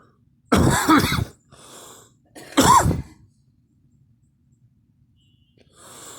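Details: Two loud, harsh coughs about two seconds apart, each followed by a quieter breath, with room quiet between.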